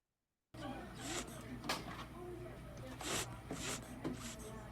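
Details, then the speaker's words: Dog with a sucking chest wound (open pneumothorax) in respiratory distress: repeated wet, hissing sucks of air with each breath, the classic sound of a sucking chest wound. "So nobody wants to hear that noise. That is the classic sound of a sucking chest wound."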